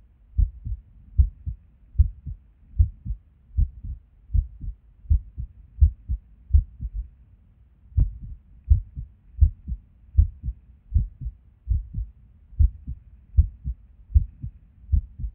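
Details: Resting heartbeat recorded at Erb's point while sitting at a desk, about 78 a minute with uneven spacing and a pause where a beat drops out; irregular rhythm with skipped beats.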